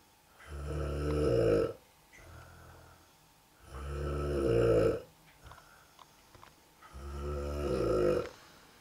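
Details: Heavy snoring from an adult man (dad): three loud, buzzing, rattling snores on the in-breaths at about 18 breaths a minute, with softer, quieter out-breaths in between.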